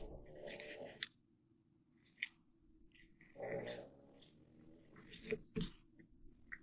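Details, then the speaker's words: An older sleeping dog, about 8 years old, gives two rough, rumbling snores a few seconds apart, with sharp clicks nearby from bracelet crafting: dog snoring. "what you're hearing is my dog snoring, not me making rude noises. You hear that? That sassy lassie snoring. She's getting up in age."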